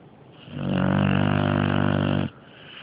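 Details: Dog snoring very loudly: one long, loud, rattling snore on an in-breath with a low rumbling vibration throughout, then quiet. Snoring.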